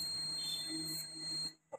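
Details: CADI-KL805 electrosurgical (cautery) generator in a demonstration: a steady, high-pitched electronic tone lasting about a second and a half, then cut off; the cautery machine's activation tone.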